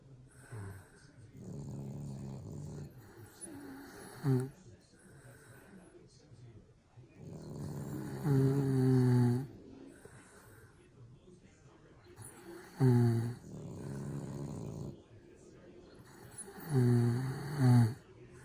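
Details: Two sleeping subjects, very tired, snoring: low rumbling snores with a rough fluttering quality, about four or five per minute, alternating with quieter breathing.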